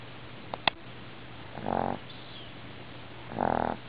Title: Dog Snoring Cartoon style